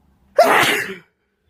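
A single loud, explosive sneeze with a sharp sudden onset, lasting under a second, in a quiet room.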